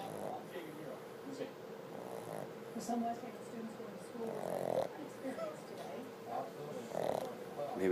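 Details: Sleeping pug that won't wake even for a treat, snoring with eyes open: soft snuffling, rattling snores with a faint nasal whistle on inhalation over quiet room noise; snoring.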